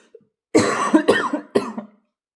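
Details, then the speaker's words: Repetitive cough in a woman who coughs every few seconds and is losing her voice, with anemia under investigation: three quick harsh coughs, each with a short voiced tail, in a quiet room. "parce que ça doit pas être agréable pour vous de m'entendre tousser toutes les de secondes et plus je tousse et plus je parle et plus je perds ma voix et plus je tousse"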